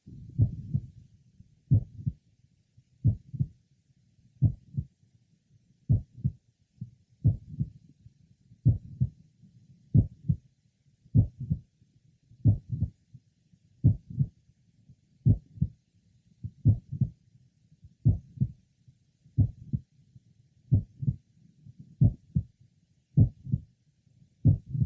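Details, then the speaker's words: Mitral valve prolapse heard at the apex in a young man, recording repeated: mid-systolic click with a late systolic murmur. "he has a mid systolic click occasionally a couple of clicks are heard sometimes she has in addition a late apical systolic murmur"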